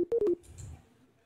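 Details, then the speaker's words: Quick series of short electronic beeps, each marking a burst of neuronal spikes picked up by a 1024-electrode Neuralink brain implant in a pig. The implant is two months old, and the beeps increase as the pig's snout touches the ground or food. "you can see the neurons um will fire much more than when you're not touching this now and uh that's what's making the beeping sound"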